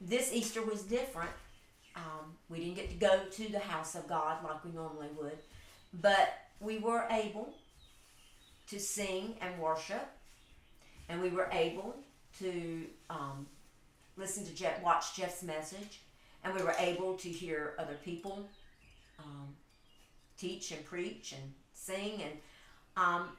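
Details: Adult speaker, conversational speech indoors; normal speech.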